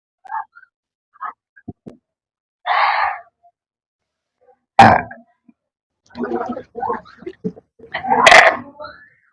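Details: Burping during a burping challenge after eating Lahori cumin: several loud, voiced belches with short pauses between them, in a quiet room.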